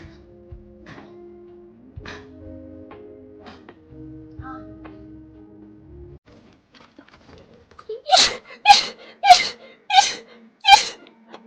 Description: Girls sneezing all over live streams!